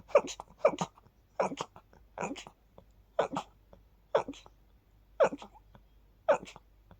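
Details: Sneezing after sleeping with the window open, attributed to pollen: a run of about eight small, quick sneezes in close succession, each a short sharp burst with a brief sniff between.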